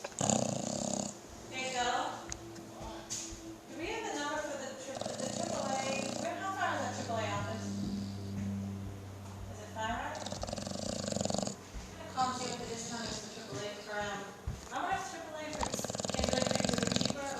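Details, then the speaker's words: An overweight dog snoring while awake, not sleeping: loud, rough snorting breaths through the nose and throat, with people talking in the background; snore-like noisy breathing. "He's not even sleeping, he's just snoring."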